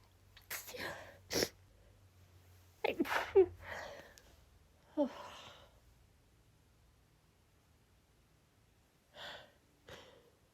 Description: cold air is often a trigger for me, but this took me by surprise...hence why I sound progressively more annoyed 🤭